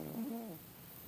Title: Snoring kitty